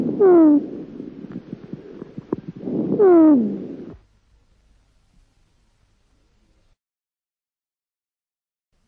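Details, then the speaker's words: Stethoscope auscultation over a large lung cavity: two breaths, each opening with a brief high whistle falling in pitch over rough breath noise; cavernous whistle. "lorsqu existe de grosses cavernes on peut parfois entendre un sifflement cas werner"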